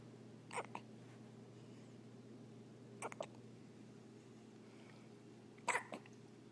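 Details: Newborn baby with hiccups: three short, sharp hiccups over about six seconds, each a quick catch with a soft follow-on click, against a steady background hum.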